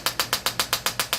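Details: Chiropractor using a spring-loaded adjusting instrument on a retired police officer's spine, moving from the lower lumbar up to the upper thoracic area after an auto accident: nine sharp, evenly spaced clicks in about a second, roughly seven per second.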